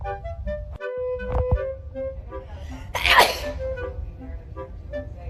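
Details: Girl sneezing: a single sharp sneeze burst over background music.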